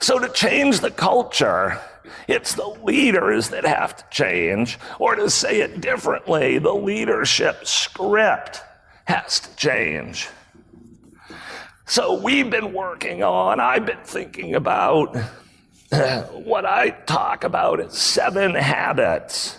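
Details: Real adult man with spasmodic dysphonia, a rare voice disorder acquired in 2010, recorded at a 2018 keynote; his throat muscles spasm and contract when he talks, sometimes making speaking difficult. Finding: spasmodic dysphonia.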